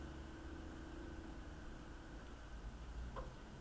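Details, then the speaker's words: A MedQuip portable suction machine for clearing the airway, running during a troubleshooting check with a finger over the suction port to see whether the gauge rises: a steady low motor hum with a faint click near the end. "you want to put your finger over the hole and see if your gauge goes up if your gauge does not go up when you do that you have a problem with your suction machine and you need to get to your provider"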